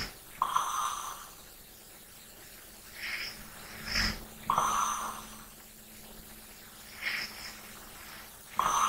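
Soft, slow sleep breathing with a light snore on some breaths, about 15 breaths a minute, over a faint steady hum.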